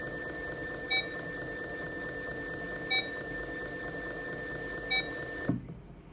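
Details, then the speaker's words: MDK Med MI27/MI27PLUS infusion pump running a bolus at the set rate, volume and time: steady pump hum with a short beep every two seconds, then the motor stops as the set volume finishes. "ให้เรากดที่ปุ่มโบลัสที่หน้าจอนะคะจากนั้นตัวเครื่องจะโชว์ลัRateนะคะแล้วก็ปริมาตของสารละลายที่ต้องการเร่งนะคะแล้วก็เวลาให้เรากดติ๊กถูกได้เลยค่ะเครื่องก็จะทำการโบลัสนะคะจนครบสารอลายที่เราตั้งค่าเอา"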